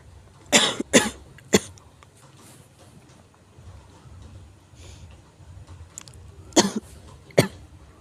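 A cluster of three harsh coughs, then a quiet pause with faint breathing, then two more coughs; repeated forceful coughing.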